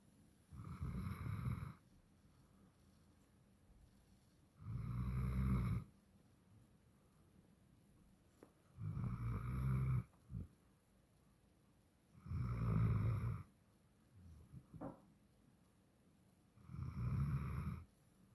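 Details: Stella, a sleeping dog, snoring with slow regular rumbling snores on each breath, about 14 a minute; snoring.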